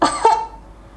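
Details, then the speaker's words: Single deliberate, pretend adult cough, sharp and brief, used to trigger a powered LG PuriCare mask fan, followed by faint steady fan hum; voluntary cough. "when I cough, the fan works and noisy it means the fan is working and you can feel soft wind inside so just pretend cough or sneeze the fan will work"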